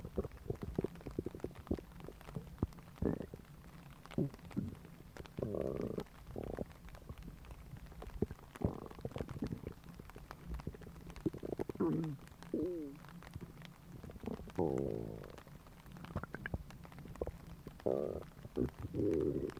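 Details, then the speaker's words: Recording of a person's stomach growling: gurgling, bubbling rumbles with squeaky rising tones, ordinary digestive gut sounds (borborygmi). "So today we are going to be doing another stomach grumbling,"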